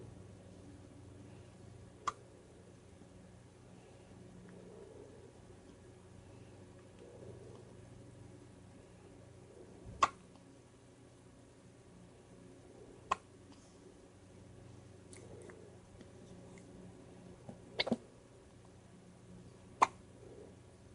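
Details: Hiccups: six brief, sharp clicks at irregular gaps over about twenty seconds in a quiet room.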